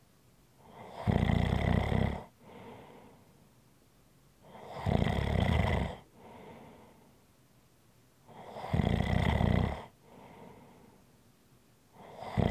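Loud, rattling snores on each breath in, about 16 breaths a minute, with softer breaths out between them. Steady snoring.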